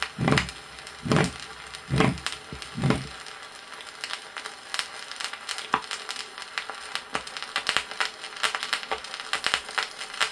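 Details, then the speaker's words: 1962 Soviet educational heart-sound record on aortic valve defects, isolated aortic stenosis: a low, coarse systolic murmur at about 70 beats a minute with a weakened second sound over the aorta. "при изолированном стенозе усти аорты выслушивается низкой грубой систолической шум и ослабление второго тона на орти"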